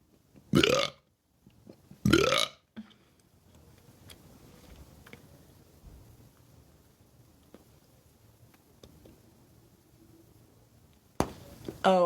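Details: Two loud short burps a second apart, then quiet, then a final burst, from a person claiming a loudest-burp world record, burping into bubblegum; burping.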